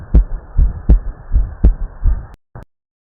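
Regular paired heart sounds heard through a stethoscope at about 80 beats a minute.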